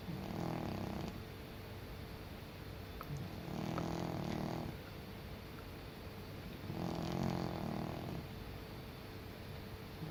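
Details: Senior cat asleep: soft, rumbling snores in a steady rhythm, about 18 breaths a minute, over low background noise; snoring.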